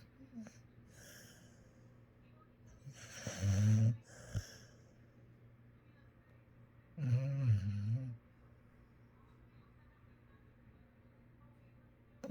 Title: Snoring dog